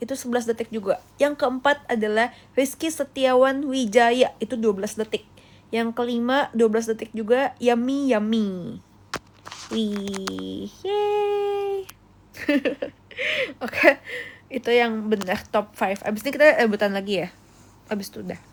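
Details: Rhotacism (Indonesian "cadel") in an adult female. She cannot produce word-initial R, which comes out like W, and can only force word-final R, which still sounds off.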